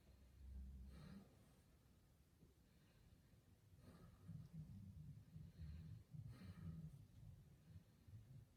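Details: Nursing skills check-off physical exam: soft, low-pitched breath sounds over several slow breaths with light stethoscope rustle, no wheeze or crackles; normal vesicular breath sounds.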